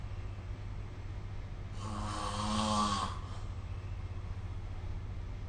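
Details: A single rough, fluttering snore lasting over a second against a steady low room hum, recorded during sleep with the SnoreLab phone app: snoring.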